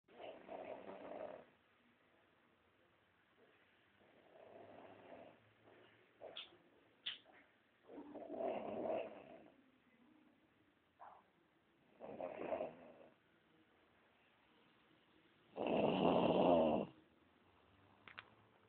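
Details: A very small child snoring in sleep: quiet, irregular rasping breaths a few seconds apart, with a louder snore near the end.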